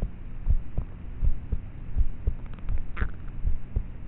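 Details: Self-recorded at night on a cheap MP3 player's built-in mic, at about age thirteen (approximate): muffled, regular low heartbeat thumps around 80 per minute under steady hum, poor quality with loud start/stop noises; normal heart sounds.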